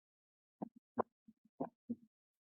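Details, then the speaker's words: Heart sounds with an opening snap, an extra crisp high-pitched click early in diastole caused by mitral valve opening; an abnormal heart sound. "اسنپ در وقت ستول شنیده میشه که یک هایپ ساوند هسته و از باعث باز شدن ماتر"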